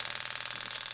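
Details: Powertome powered periotome on a canine, tip in the periodontal ligament space at the mesiofacial: rapid, even ticking with a high hiss, about twenty pulses a second, loosening the tooth for extraction.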